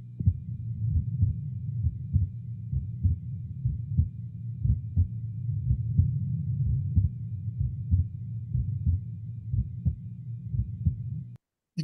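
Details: Short heart sound recording from a PhD dataset of normal and abnormal heart audio, regular lub-dub at about 60 beats a minute with clear first and second sounds and nothing extra; normal heart sounds.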